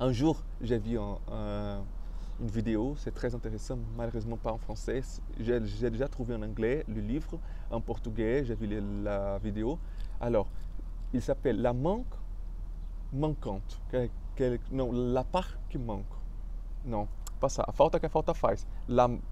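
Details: Adult male French speaker with stuttering, which he describes as having blocked him.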